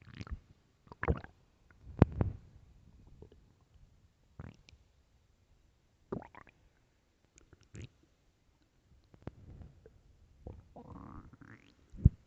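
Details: Loud low gurgles and rumbles from the belly in irregular bursts: ordinary loud stomach growling, a normal bowel sound; borborygmi.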